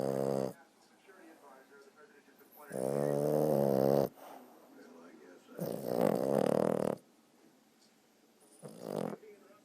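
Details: Sleeping dog, twitching while snoring: long, loud, groaning snores with a buzzing, vocal quality, separated by quiet pauses.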